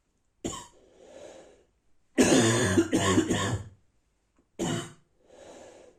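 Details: Adult with a bad cold, hurting inside, coughing in the morning; dry barking cough.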